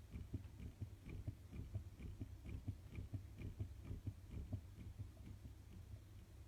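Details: Fetal heartbeat in the womb recorded with a Doppler heart monitor: rapid, regular whooshing thumps, about 135 beats a minute.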